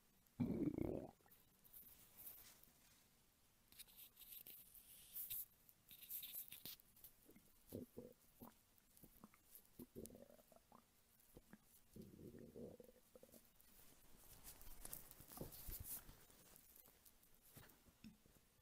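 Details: Hunger stomach rumbling from an adult woman's belly, recorded as ASMR: scattered gurgles, squeaks and low rumbles with handling noise; normal borborygmi.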